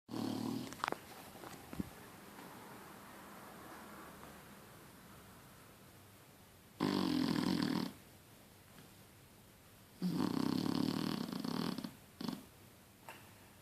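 Two loud rough snoring breaths about three seconds apart, with faint room noise between them. Snoring in a sleeping dog.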